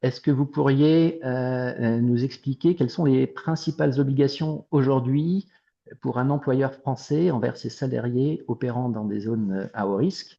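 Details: Adult male speaker; Ordinary speech.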